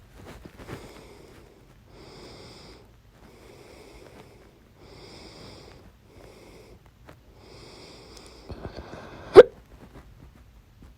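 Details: Loud hiccups, a second bout at 12:26 A.M.: repeated soft breathy sounds and one sharp, loud catch near the end in a quiet room.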